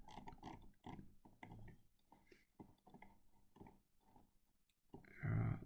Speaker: i'm sorry if you can hear snoring by the way my dog has fallen asleep